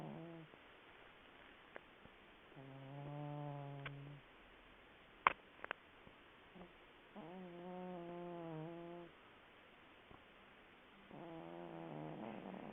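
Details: Cat deeply asleep: slow, regular, buzzing snores about every four seconds with quiet pauses between; snoring.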